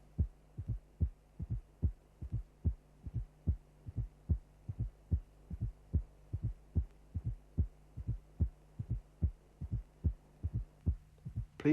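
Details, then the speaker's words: Fourth heart sound (S4) in a cardiac auscultation teaching recording: regular heartbeat near 73 a minute, with a soft presystolic extra sound just before the first heart sound, never loud but always significant. "now concentrate on the first and listen to the presystolic fourth sound bopup bopup it is never a loud feature"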